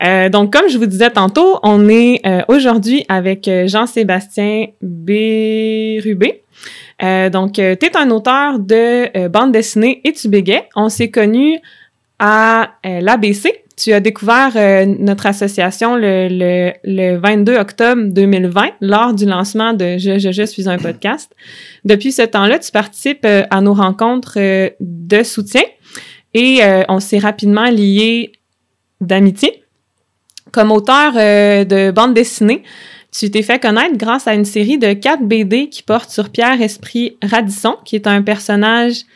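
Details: Stuttering in an adult French-speaking woman who stutters and is a speech-language pathology master's candidate; real.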